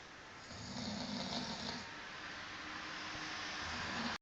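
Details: Two men in Bulgaria snoring; continuous rough, rattling snoring over steady room noise without clear breath-by-breath breaks; ordinary snoring.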